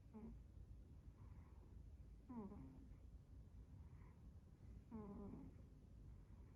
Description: My cat, Fred, snoring while taking a nap.